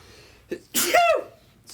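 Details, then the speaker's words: Single adult sneeze: short sharp intake followed by a loud explosive burst with a voiced tail. "when I sneeze I sound like Jake's uh answering machine"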